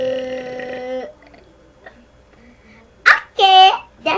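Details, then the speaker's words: Person deliberately producing loud burps: a long, loud, voiced belch, then two short forceful burps after a pause. "You're going to hear the loudest fart ever. I mean the burp ever."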